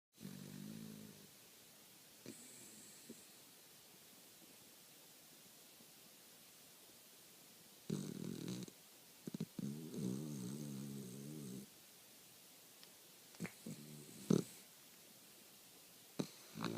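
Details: Dog snoring: intermittent rough, vibrating breaths separated by silent gaps in a quiet room.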